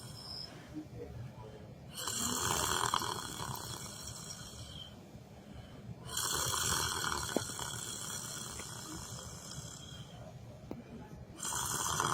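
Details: A person asleep sitting in a chair in a library gives slow, regular rattling snores, about one every four seconds, with quiet breathing between and faint room noise; snoring.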